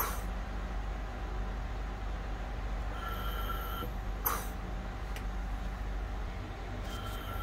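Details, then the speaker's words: Magnum Oxymag ventilator in volume-controlled ventilation, tidal volume 500 ml, rate 14, I:E 1:2, FiO2 100% from oxygen cylinder using about 7–8 L/min: steady machine hum with brief whistling tones about every four seconds. "this is the oxygen cylinder we have connected so it is maintaining around between seven to eight liters per minute to deliver 500 ml tidal volume"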